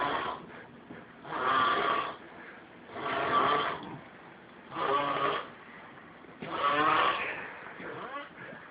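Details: A man snoring on a weekend trip: loud, rattling snores on each breath, about five in eight seconds.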